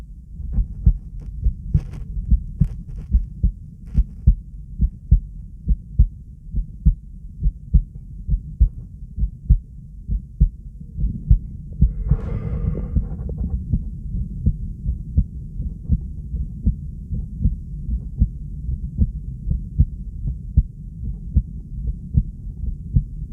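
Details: Strong, deep heartbeat thuds at an unhurried pace: controlled bradycardia (slow heart rate).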